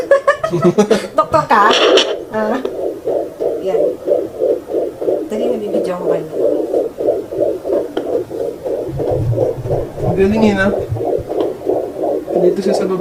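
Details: Fast, regular whooshing pulses through a handheld home fetal Doppler on a first try, with brief music and probe scraping at the start: a fetal heartbeat.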